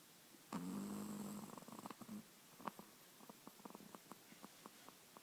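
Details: A sleeping puppy gives a low buzzing snore on one breath, then a run of soft clicking and snuffling sounds, in a quiet room; snoring.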